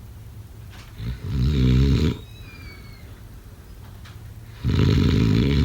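Two loud, rattling snores on the in-breath, separated by quieter breathing out, about 20 breaths a minute.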